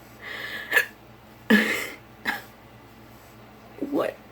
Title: Hiccups. Kill me.